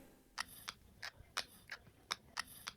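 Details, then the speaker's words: Teeth grinding presented as childhood bruxism, often nocturnal: sharp, repeated clicking and scraping of teeth, about seven bursts in three seconds; bruxism. "O bater ou ranger dos dentes, conhecido como bruxismo, não é normal e também não é exclusivo dos adultos."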